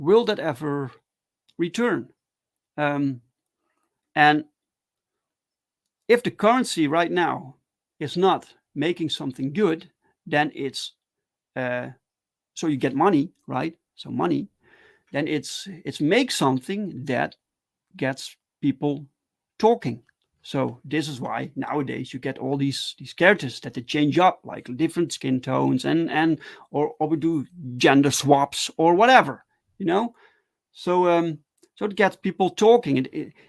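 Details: Adult man who stutters, talking live in a solo stream; stuttering.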